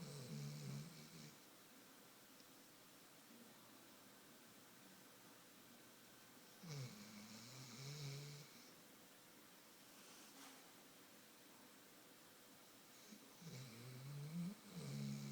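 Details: Three rattling snores at steady spacing, roughly nine breaths a minute, from a sleeping pet.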